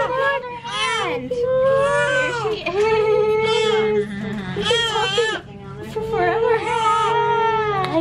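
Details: Loud, strong, repeated crying from a newborn girl just after an unmedicated natural birth at 39 weeks (6 days early, 7 lb 5 oz), with soft background music; a normal vigorous newborn cry.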